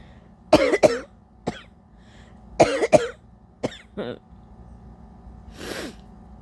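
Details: Wet double-barreled coughs with throat clicks, then a rushing nose-blow or sniff through a very congested nose; stuffy nose and sinus headache since waking, attributed to allergies, not a cold: cough with nasal congestion.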